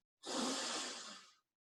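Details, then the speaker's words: A single smooth, breathy out-breath through the mouth lasting about one second, demonstrated by a respiratory physiotherapist: a diaphragmatic breathing exhalation. "you will start with your with four deep breaths so your normal deep breaths like you did either diaphragmatic or lateral costal"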